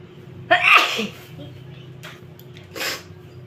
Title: Dust Allergy sneezes.